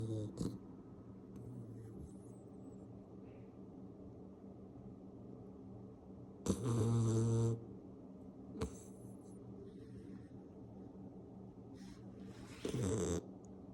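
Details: Sleeping Labrador retriever puppy: two loud, rough low snores over quiet breathing and low room hum, plus a few brief noises; snoring.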